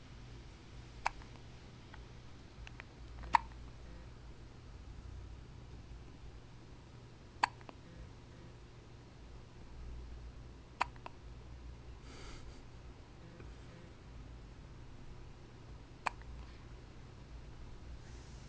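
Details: Hiccups recorded June 29, 2009 on a Flip Video camcorder: sharp, brief hiccup clicks at irregular intervals, about six in 18 seconds, over a quiet room hum.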